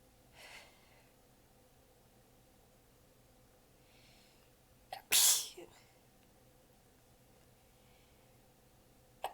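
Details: A faint breathy burst, then one strong sneeze with a short tail and quieter held-back sounds in a quiet room, from a prolonged sneezing fit; the sneezer was exhausted with sore abs and biting sneezes back.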